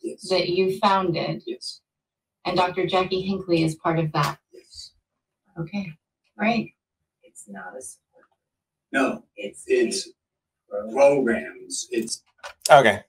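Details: Patient with aphasia caused by a stroke, fluent but meaningless speech; Wernicke's (fluent) aphasia.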